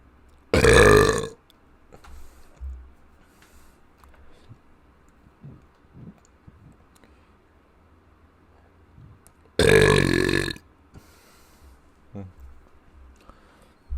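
Two loud, drawn-out burps about nine seconds apart in a quiet room with faint background sounds.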